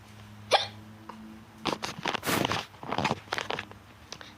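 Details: A single sharp hiccup followed by breathy laughter-like sounds and soft talk; ordinary hiccups.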